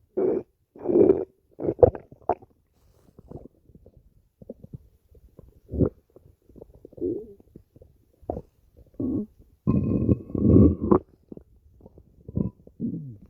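Irregular gurgling rumbles and squeaky bubbling sounds in bursts with quiet gaps, typical of stomach growling from gas and fluid moving through the gut.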